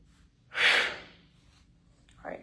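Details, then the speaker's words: During a clinical respiratory assessment, the patient takes a deep breath and blows into a zeroed peak flow meter as hard and fast as they can: one sharp, forceful burst of breath fading over about half a second. "They're going to inhale, grab it, and then go ahead and put it around their mouth and blow as hard and fast as they can."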